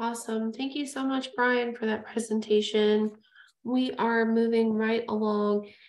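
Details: Adult female speaker; Normal speech.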